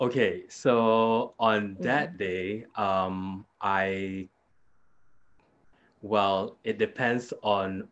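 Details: Adult man with aphasia after a hemorrhagic stroke 2 years earlier; severe at onset, unable to talk in the first week, and still having trouble completing sentences and retrieving even basic words; aphasia with word-finding difficulty.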